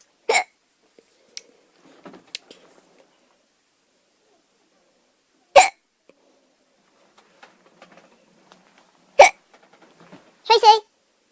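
Short, abrupt gulping sounds repeating every few seconds, about four in ten seconds; ordinary hiccups.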